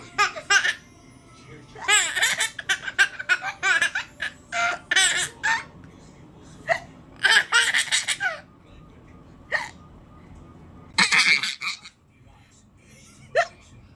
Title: Baby laughing# hiccups 😆